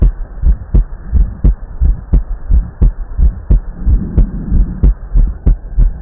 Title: Heart Auscultation